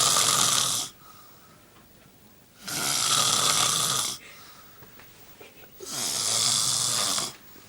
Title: loud snoring